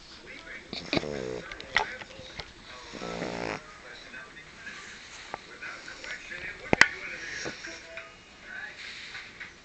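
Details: Harsh, rattling snores with snorting bursts against quiet room noise from a French Bulldog taking a nap; snoring.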